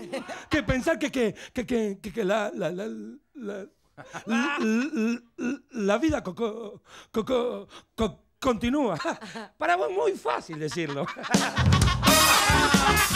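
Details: Comedian imitating a person who stutters while telling a joke, with acted word repetitions; stuttering (imitated, not real).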